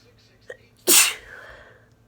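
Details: Uncovered sneezing from a cold: a short catch of breath, then one loud explosive uncovered sneeze.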